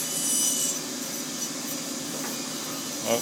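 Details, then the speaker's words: Denture tooth repair: a fissure bur cuts retention grooves and recesses in the acrylic to reattach a broken-off tooth, with steady high-pitched rasping and grinding of the rotary bur; dental bur grinding acrylic. "I'm going to use a Fisher bur cut some retention grooves on both sides of the acrylic like I talked about earlier cut a little SPAC for the new acrylic dig down in there cut a few little grooves"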